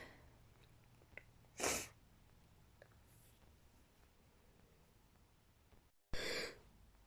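Two sharp, explosive sneezes separated by a few seconds of quiet room noise; a bout of sneezing.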